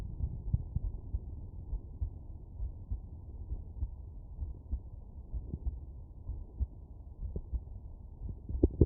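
Soft, muffled low thumps of a child's heartbeat through a stethoscope at the mitral area, a normal finding.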